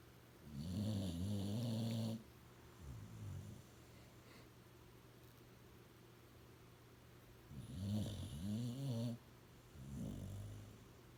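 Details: Dog named Kyra snoring during a nap, slow rumbling cycles of a loud inward snore followed by a softer outward one.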